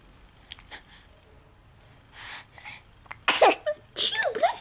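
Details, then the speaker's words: Baby boy in the morning; two sharp, explosive sneezes near the end after quiet breathing and soft voices saying "bless you"; sneezing. "you bless you pess you that feel good it feel good to get those sneezes out"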